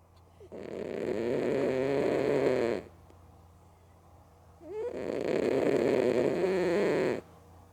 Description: I caught Mookie the cat loudly snoring & sleeping with her eyes open